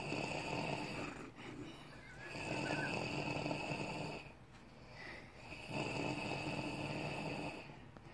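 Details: A person snoring.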